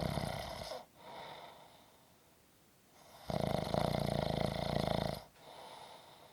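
Loud, rough rattling snores on the breaths, separated by a quieter pause; ordinary snoring from vibration in the upper airway during sleep.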